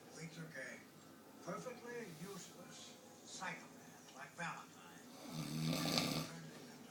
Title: Snoring...